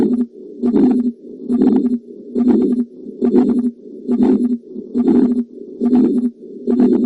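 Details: Heart auscultation: regular heartbeats near 70 a minute, each with a rough whooshing sound filling the gap between beats, a heart murmur.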